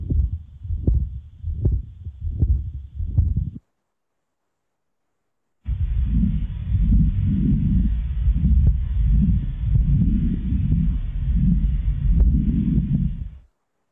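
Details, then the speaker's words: Heartbeat at about 85 a minute, then a rough, unbroken rumbling murmur swelling with each beat: continuous machinery murmur of patent ductus arteriosus. "I want you to concentrate on this sound, continuous murmur."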